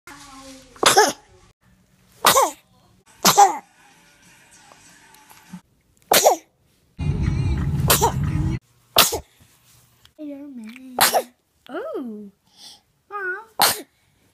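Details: A baby's string of small, sharp sneezes with short cooing sounds and a burst of rumbling noise between them, from the first year of life; sneezing.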